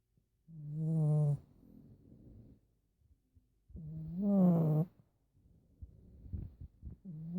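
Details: Snoring from a tired pug, a flat-faced dog: two long, loud, buzzy breath sounds about three seconds apart, with quieter rough breathing between them.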